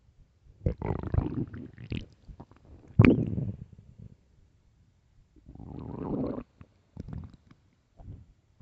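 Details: Loud, irregular gurgling and rumbling bowel sounds from an empty, famished stomach: borborygmi, a normal finding.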